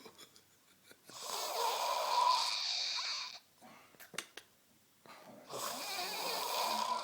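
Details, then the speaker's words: Snoring likened to a pterodactyl; listeners doubt whether it is real. "Sounds like a pterodactyl."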